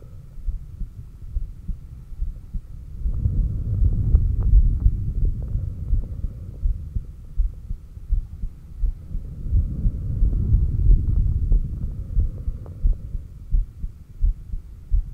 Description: Breathing, exhaled (stomach vacuums) and inhaled breathholds, pushing it a little, all with heartbeat recorded on apex.